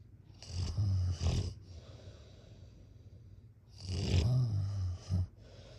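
Two loud, low rattling snores on inhaling, each followed by a breathy exhale; typical heavy snoring.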